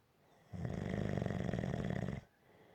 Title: Snoring - Gentle Snoring